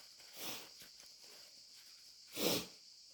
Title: Desperate, wet chhinkni sneezes plus a snotty blow